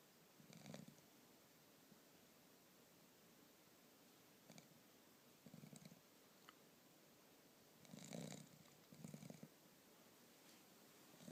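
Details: Foster dog asleep on his back with all four paws up after an evening of running at the park, snoring in soft, low rumbling irregular bursts over quiet room hiss; ordinary snoring.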